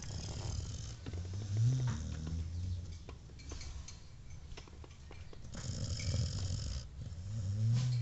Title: my dog snoring while he's sleeping